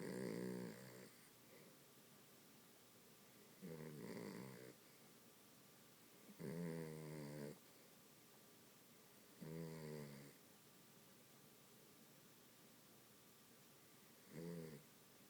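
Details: Sleeping dachshund snoring, said by the owner to be only light snoring: regular rattling snores about every three seconds, roughly 20 a minute, in a quiet room.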